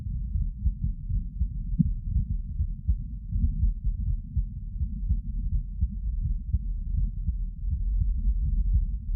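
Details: Heart sounds recorded while sitting: low, muffled thumps of an adult heartbeat at about 80 a minute under a dull rumbling background; normal heart sounds.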